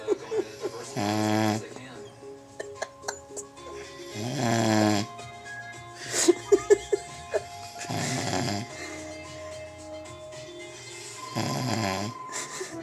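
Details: Person passed out asleep, snoring like a lion: rhythmic rumbling snores, about four in twelve seconds, with music and small noises between them.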